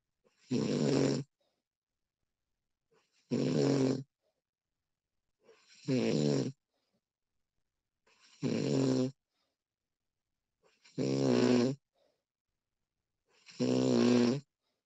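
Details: Six loud, rumbling snores at about 23 a minute, each a few tenths of a second to a second long, with quiet gaps between, from a sleeping woman; snoring.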